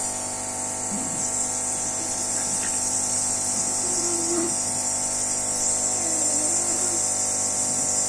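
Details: Steady high-pitched hiss and whine of a nebulizer compressor running a budesonide treatment through a face mask for a child who has often needed extra oxygen, with faint child sounds underneath; normal device noise.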